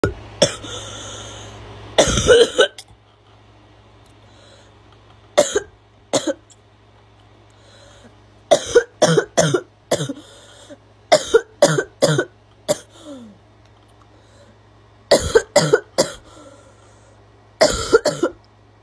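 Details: Girl gives repeated harsh, barking coughs in short clusters of two to four, about seventeen in all, with quiet gaps; barking cough.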